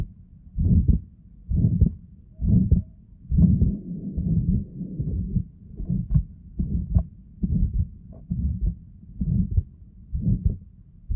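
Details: Heart auscultation with the patient breathing in very quietly: low heart sounds near 67 a minute, with a rough whooshing pathological murmur filling the gaps between some beats.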